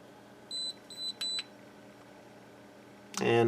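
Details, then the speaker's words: Dental curing light set to a 20-second cycle, curing Zest chairside processing material to bond a Locator metal housing into a complete denture on a model: a few short high-pitched timer beeps, then a clunk, over quiet room hum. "light cure for about 20 seconds on each slope and i have my curing light set to 20 seconds"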